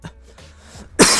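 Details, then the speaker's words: Cough from a lingering cough-only viral illness; the person reports a broken rib that hurts with each cough. A single harsh, forceful cough after quiet breathing. "there's a weird virus going around a weird coughing virus and it's only got to do with like coughing"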